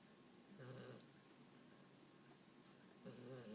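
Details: English Bulldog asleep after playing at the beach, possibly dreaming: two soft, buzzing snores about two and a half seconds apart over a quiet hiss; dog snoring.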